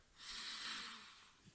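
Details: Snorting right after tasting Blair's Mega Death hot sauce: a single loud, hissing snort of air forced through the nose, lasting about a second.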